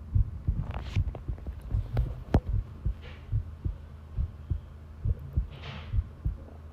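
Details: Long continuous heart-sound recording: low regular thudding heartbeats at roughly 90 per minute, with some rubbing and handling noise; normal heart sounds.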